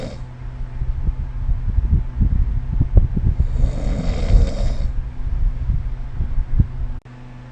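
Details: Snoring during sleep recorded with the SnoreLab phone app: a loud, deep, fluttering snore with a rattling soft-palate vibration through a long breath.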